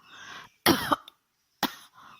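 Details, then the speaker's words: Two sharp, explosive cough bursts, the first with a short rattle, from an adult woman with flu, cough and runny nose, speaking between coughs: cough. "maaf kami eh maaf saya sedang batuk sehingga Mungkin suara saya kurang nyaman Untuk didengar"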